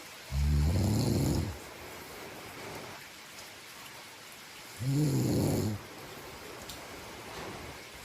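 Two loud, low rattling snores on inbreath, about four seconds apart, with quiet breathing between and faint background hiss.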